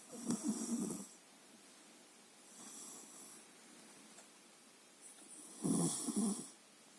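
Rough, rattling snores on the in-breath, with a softer breath between, from a sleeping animal.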